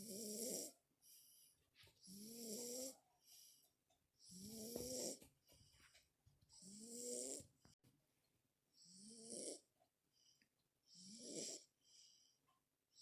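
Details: Regular whistling, nasal snores with airy breaths between them, six in thirteen seconds, about 27 a minute; snoring.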